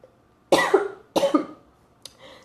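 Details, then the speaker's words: Adult woman with a hoarse, troubled throat coughing during a live stream: two loud, harsh cough bursts followed by a faint throat sound. "I don't know if I want you to show this one century I just coughed everywhere"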